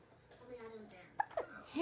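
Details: Baby hiccups: a soft voiced sound followed by two sharp, sudden hiccup catches close together.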